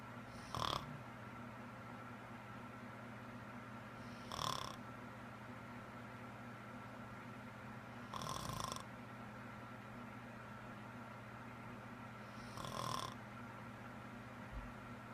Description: My girlfriend has a serious snoring problem and I can’t figure out why her snoring is so loud!